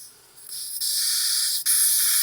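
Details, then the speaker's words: Steady high-pitched hiss rising in strength as an EMT sets oxygen-tank flow to 6 liters per minute, driving a nebulizer to aerosolize albuterol and Atrovent; nebulizer running on oxygen flow. "So that's 6 liters per minute. It can't be any less or any more. Too much, and it's going to be too powerful. Too less, anything less than 6, is not going to be enough pressure to aerosolize the medication."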